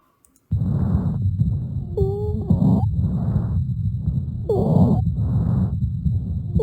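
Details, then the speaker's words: Breath sounds with brief high, musical whistling tones in some breaths: wheeze from severely constricted bronchioles. "another breath sound that you need to be familiar with is a breath sound that's known as a wheeze a wheeze comes about when the bronchioles are severely constricted that's the passageways that takes air into and out of the um of the alveoli and it makes kind of a musical whistling sound"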